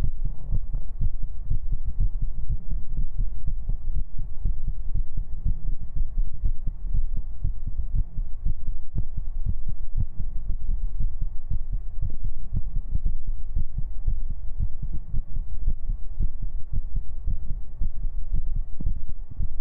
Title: 【3DIO ASMR】 stream highlights ♡ tappies, heartbeats, nyans, kisses, lots of tingles ♡ 【VTUBER】